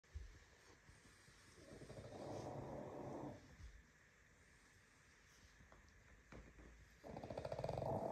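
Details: Pug snoring while asleep.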